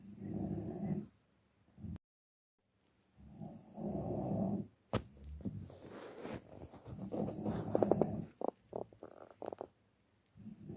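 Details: Snoring in deep sleep: low, rumbling snores on each breath, followed by snorting, gurgling sounds.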